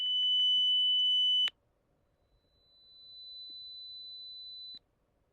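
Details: Online hyperacusis hearing test played through calibrated headphones, checking the lowest loudness discomfort level (LDL) frequency by frequency: a loud, steady high-pitched tone stops abruptly, then a softer, higher-pitched tone swells and holds.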